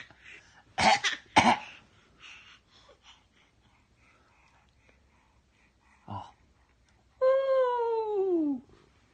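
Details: A cat named Milo, recorded September 2017, gives two sharp, harsh coughs in quick succession, then a brief faint sound and a falling meow: cough.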